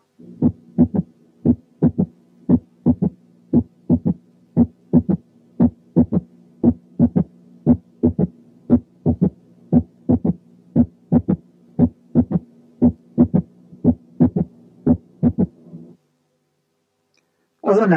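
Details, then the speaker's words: Third heart sound (S3) without tachycardia, given as a quiz case: regular heartbeat near 58 a minute with an extra low sound after the second sound. "أقول لكم كده: رقم واحد كان opening snap، رقم اتنين كان gallop، رقم تلاتة كان wide but variable splitting of the second sound في حالة right bundle branch block، رقم أربعة كان third hard sound من غير tachycardia."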